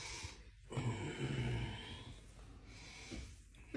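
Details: Snoring with snorts from a big Mastiff dog resting in a guest room: irregular low, snorting breaths with a fluttery noise on breathing in.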